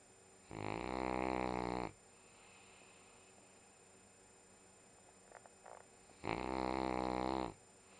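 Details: Sunday morning nap: two loud, rasping, vibrating snoring breaths about six seconds apart with quiet between; snoring.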